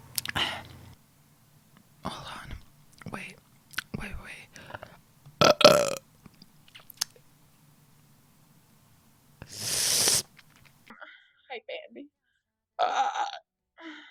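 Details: Several loud, rough belches between bits of quiet talk and mouth noises; repeated burping.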